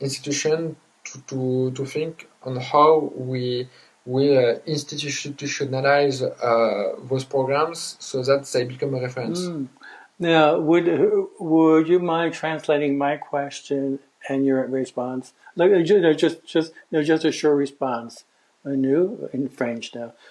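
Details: Adult man who grew up with severe stuttering plus dysgraphia, dyspraxia and ADHD, speaking English with word repetitions and hesitations: stuttering.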